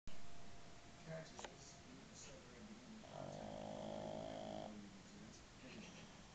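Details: Pug sitting up while snoring: soft, low, rattling breaths and one longer buzzing snore in a quiet room.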